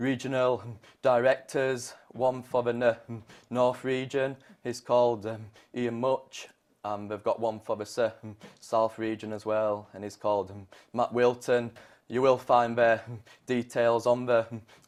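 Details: Adult man with stammer since age 3, possibly linked to trauma from a club-foot operation at age 1; McGuire Programme graduate using its costal-breathing technique to stay in control; stuttering (stammer)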